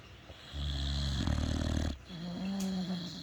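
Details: Sleeping pets ("critters") snoring: a deep, rattling snore, then a higher, whistly, tonal breath.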